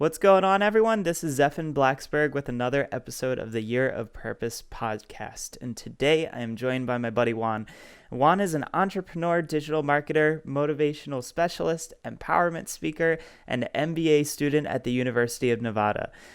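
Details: Adult male speaker; normal speech.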